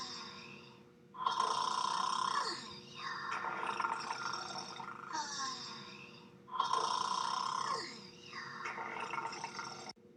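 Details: Two people snoring in bed at a hotel: loud, rough snores rising and falling with breathing, about 12 a minute, over steady room hum.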